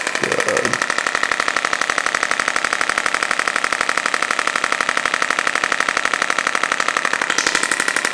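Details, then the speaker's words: Radial shockwave (pressure-wave) therapy device over the lower back of a woman with 5+ years of chronic low back pain and reduced lumbar flexion: steady, fast mechanical knocking about 240 pulses a minute; brief voice at start. "It's kind of complicated from a physics standpoint, but the original application of this machine was to break down kidney stones. So if it can break a kidney stone deep in through your organs, it can certainly break a little bit of fibrosis and adhesion about an inch into the skin."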